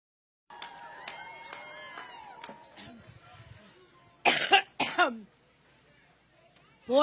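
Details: Two loud, harsh coughs from an adult speaker at a campaign event, with faint throat clearing before them and another cough starting at the end, over quiet room noise.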